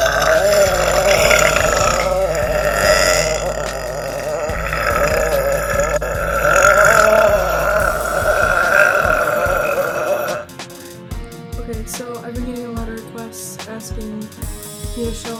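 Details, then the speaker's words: Girl demonstrating deliberate air-swallowing burps: one long, drawn-out belch lasting about ten seconds, then quieter choppy belching sounds. "first of all one of the first ways you can do it is just slow air i don't know how to describe it other than swallow air"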